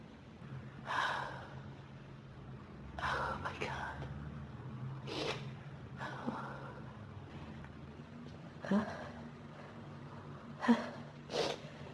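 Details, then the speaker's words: Adult with pollen and dust allergies since about age 14, sneezing in a dusty room with a burning nose: run of about six sneezes with gasping in-breaths between them, a sneezing fit from allergic rhinitis. "I just can't sneeze all the dust out of it. I keep needing more and more sneezes."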